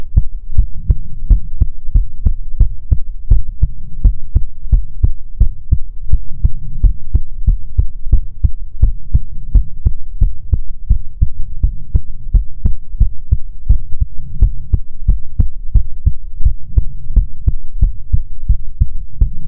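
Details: Heartbeat recording for ASMR: steady, regular deep thumping with a soft low hum throughout; normal heartbeat.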